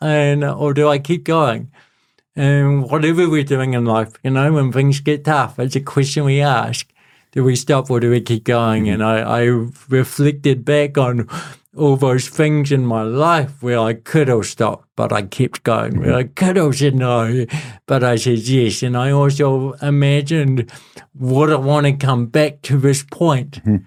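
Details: Adult man with cerebral palsy since birth, a physical disability affecting how messages travel around his body; he describes his voice as a little bit shaky and calls it a speech impediment; dysarthria (cerebral palsy).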